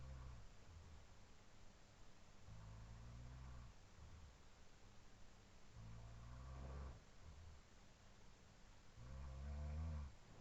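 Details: Roommate's loud, low rumbling snores recurring every few seconds over quieter sleep breathing, faint room hum; looped from recordings made at about 4:17–4:20 AM after falling asleep around 2:10 AM; snoring.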